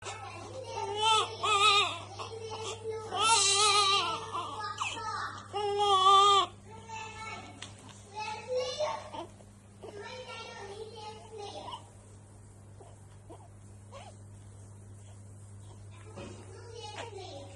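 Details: Newborn baby after a bath: short bursts of high, wavering crying and fussing fading to quiet whimpers, with faint room hum; newborn cry.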